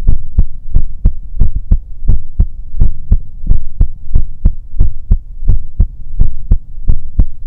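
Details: ASMR recording made with a 3Dio binaural microphone, presented as a sleeping partner's heartbeat: soft, steady paired thumps about 88 beats a minute over a low hum, a normal resting heartbeat.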